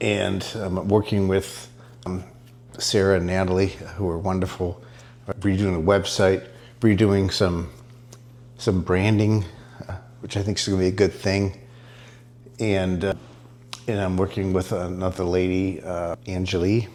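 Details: Adult man diagnosed with multiple system atrophy; he reports his speech improving after ibogaine treatment taken about 6 weeks earlier; dysarthria in multiple system atrophy.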